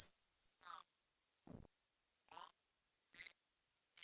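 A steady, very high-pitched pure tone slowly rising in pitch, the kind used in an informal test of high-frequency hearing that fades with age.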